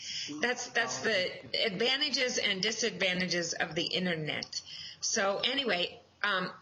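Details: Adult speaker; conversational speech.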